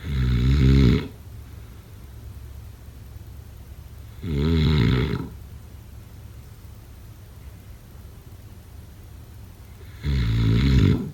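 Three loud, deep, rattling snores about six seconds apart, roughly 10 breaths a minute, over a steady low hum: snoring.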